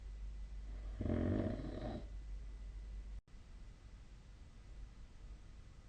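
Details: Snoring during sleep, 2025/02/03, with the SnoreLab snoring app linked: one rough, fluttering snore on an in-breath lasting about a second, then quiet breathing against steady room hum.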